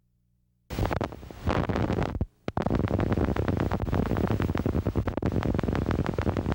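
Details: Needle EMG teaching example of fibrillation potentials. Each fibrillation fires regularly, but many firing together at different rates sound irregular.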